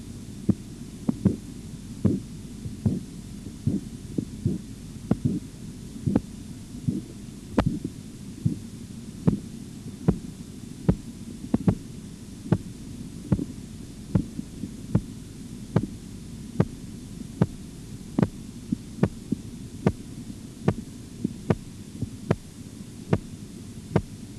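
Regular sharp tapping beats at about 74 a minute over a low hum, heard during cuff deflation.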